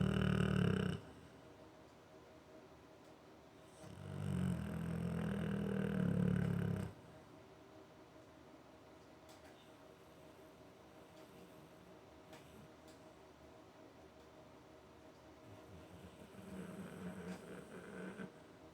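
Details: American Bulldog snoring while asleep on his dog bed in a studio: deep, rumbling snores, a few long breaths with pauses between, in a quiet room; snoring typical of a short-nosed breed.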